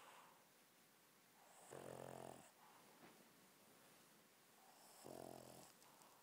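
Two buzzing, rattly snores about three seconds apart, with quiet breathing between; a small dog snoring.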